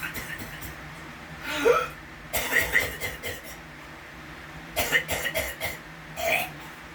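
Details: Persistent repetitive cough going on for hours at a time, begun a month ago and new for him: repeated short dry cough bursts in quick runs over a low engine-like hum.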